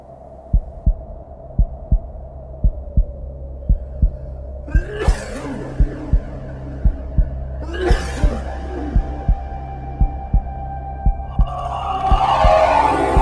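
Steady low thumps at about 57 a minute under a musical hum and swelling tones; a slow, regular heartbeat.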